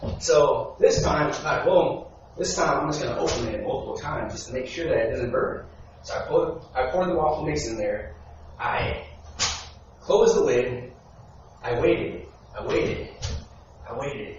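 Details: Adult man who has stuttered since he began speaking, at times needing minutes for one sentence; real speech from his own 2013–2019 recordings made while working to improve fluency. Finding: stuttering.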